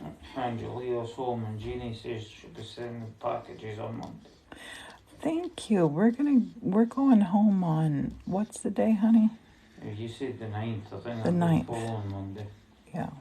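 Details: Adults in conversation; plain speech.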